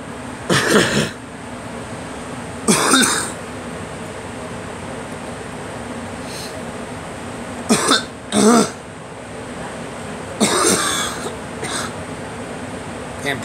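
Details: About six dry coughs in short bursts, some paired, over steady background hum; irritant cough which the speaker links to pollen blown indoors; cough.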